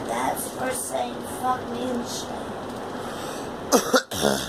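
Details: A girl gives a short run of about three coughs after faint voice sounds, against steady background noise. Cough.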